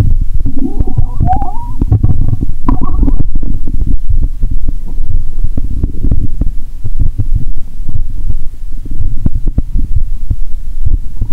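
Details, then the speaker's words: Bowel sounds (borborygmi) heard by stethoscope: low watery rumbling and gurgling with irregular throbbing over steady low noise. "Tôi nghe thấy tiếng nước 💧 ♪."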